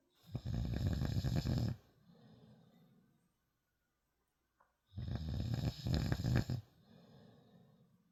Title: Snoring...